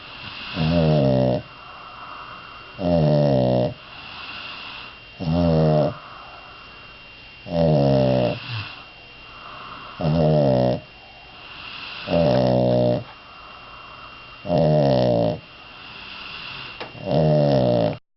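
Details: Sleeping dog snoring: loud, regular voiced snores about 25 a minute with quieter breathing between.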